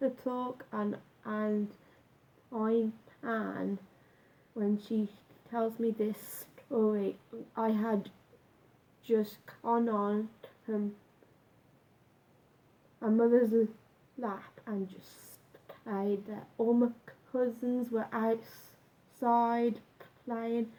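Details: Adult man with a stammer since about age nine, much worse when younger, now slight and managed with a breathing technique; stuttering (stammer).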